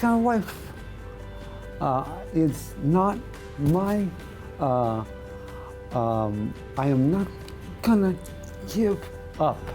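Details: Adult male radio correspondent who lost his voice about two years earlier to segmental dystonia of the voice box, tongue and lips, with tongue thrusting during speech; speaking after Botox tongue injections, with no improvement; spasmodic dysphonia with oromandibular/lingual dystonia.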